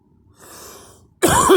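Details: A soft breath in, then one sudden, loud, voiced cough burst from an adult, cut off at the end; a single cough.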